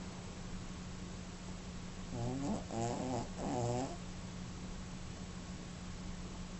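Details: Soft snoring with eyes wide open: two brief, fluttering, rattly breaths over a steady background hum.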